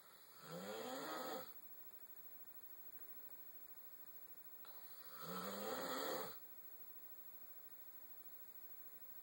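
Two long, rough, buzzing breaths drawn in about five seconds apart, over steady room hum: snoring.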